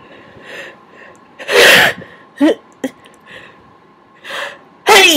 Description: This time I induced with Q-Tips... worked wonderfully, as you can hear! The big, wet sneezes return!